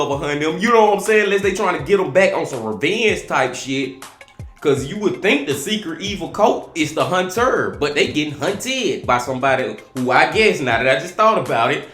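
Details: Adult man speaking; normal speech.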